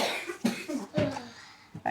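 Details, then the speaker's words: A young boy with a tight chest, audible wheeze and a history of asthma when younger gives about three short, slightly tight coughs during a GP visit; the doctor calls it his asthma coming back and plans a nebulizer. "it's freezing it out through your mouth quite Wheezy there aren't you"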